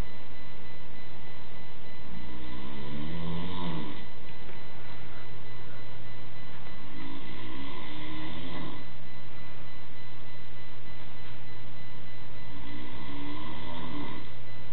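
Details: An adult father snoring in sleep: three deep, rattling snores about every five seconds, roughly 12 breaths a minute, over a steady low hum.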